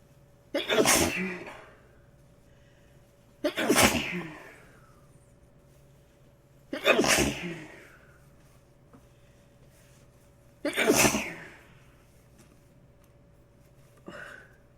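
Four forceful sneezes about three seconds apart, then a fifth smaller one; a bout of repeated sneezing.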